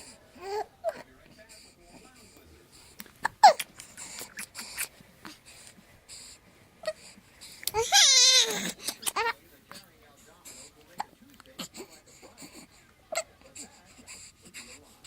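Soft whimpers and short fussing sounds, rising into a brief wavering cry. Infant crying in a quiet room.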